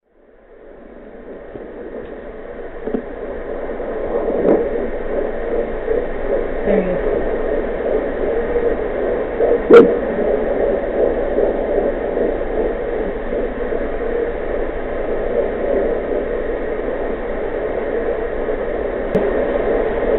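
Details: Home fetal Doppler (Mommydop) recording of a baby's heartbeat at 14 weeks of pregnancy: rapid, whooshing fetal heartbeat over steady static hiss.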